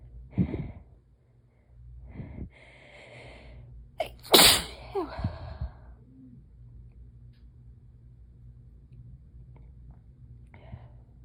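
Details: Sharp in-breaths building to one loud sneeze, then sniffs and quiet breathing over room hum, during a sneezing fit that began while lying down to rest after work.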